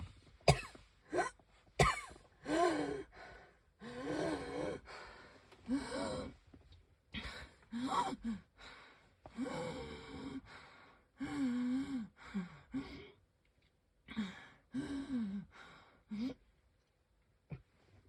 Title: I can hardly breathe- wheezing, coughing